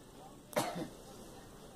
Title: Girl coughing